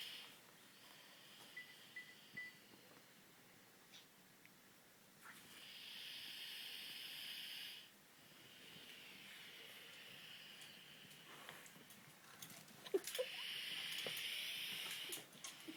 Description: Norther Inuit rhatte snoring with Scotty and shasta wondering what was going on lol